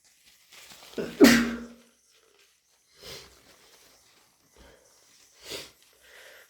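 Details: Sneezing during a bad, snotty cold: one forceful sneeze after a sharp intake, then several soft sniffs through a congested nose, amid blowing and sniffling.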